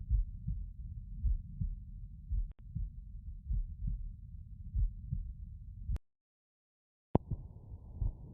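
Soft, low heartbeat thumps heard through a stethoscope over the mitral area, with handling noise and a brief dropout.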